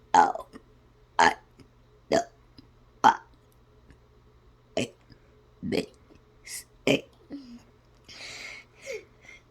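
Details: Deliberate voiced burps in an irregular sequence, shaped like reciting the ABC song letters; playful, silly belching.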